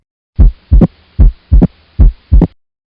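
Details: Opening snap.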